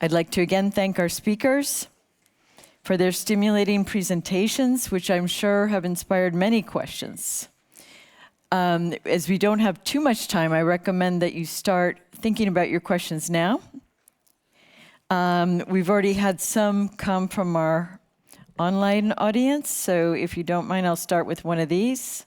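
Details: Adult woman; typical speech.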